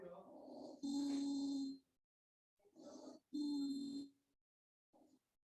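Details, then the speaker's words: Teaching auscultation of added breath sounds: loud high-pitched musical whistles on each breath from airway narrowing by bronchospasm, typical in asthma: wheeze. "jadi suara wizink atau mengi atau eggs ronki ini biasanya terjadi Halo jelas pada pasien dengan asma ya"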